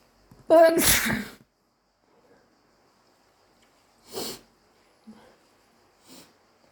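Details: One loud wet sneeze, possibly allergy-induced, with brief voiced onset, followed by a few softer sniff-like bursts in a quiet room.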